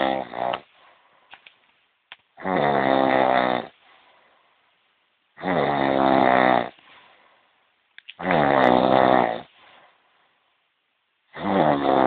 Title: snoring.3gp